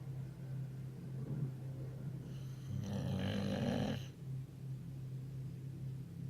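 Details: Boxer dog, possibly pretending to sleep, snoring: a low continuous rumble swelling into one louder rattling snort, then settling back.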